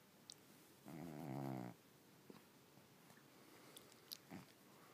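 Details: Snoring from a sleeping cat: single rattling, buzzing breath against quiet room noise; the cat doesn't appreciate being woken.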